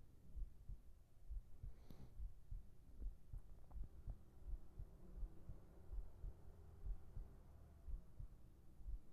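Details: Soft, steady low heartbeat thumps at about 75 a minute over a faint hum, in a sleep ASMR recording; regular normal heartbeat.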